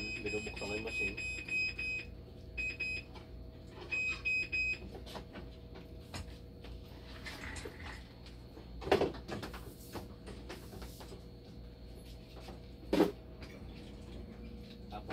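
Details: Repeating electronic beeps in short bursts over room noise and talk from a Dialysis K machine alarming with a low flow error.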